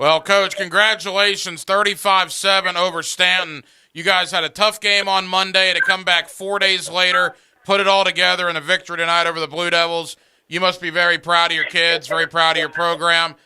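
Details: Adult male speaker; Normal voice.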